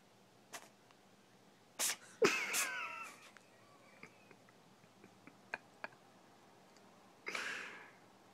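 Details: A Maine Coon cat with weepy eyes, which the owner suspects is sick, sneezes twice sharply in quick succession, then once more softly a few seconds later, with faint sniffing between, in a quiet room.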